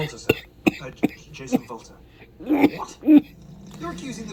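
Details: Staged comedy film scene (Johnny English Strikes Again, snoring scene): short sharp throat-clearing bursts followed by voiced grunting sounds; acted throat clearing.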